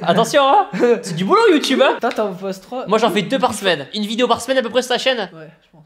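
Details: Young speaker, French; ordinary speech.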